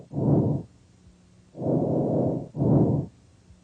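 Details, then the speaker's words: Normal tracheal breath sounds heard with the stethoscope diaphragm over the trachea during a thorax assessment: high-pitched, loud, tubular, harsh and hollow, with clear inspiration and expiration. "you should hear tracheal sounds over the trachea these are high-pitched loud and tubular"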